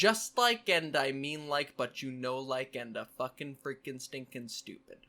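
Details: Complex vocal tic with coprolalia in a man with Tourette syndrome: a fixed phrase containing profanity, whispered or spoken repeatedly since childhood.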